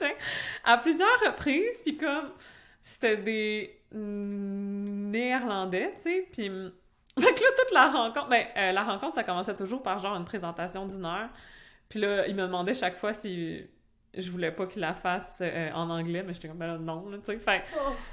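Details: Stuttering in an adult French-speaking (Québec) woman who stutters, which began in childhood; she also had a speech sound disorder as a young child.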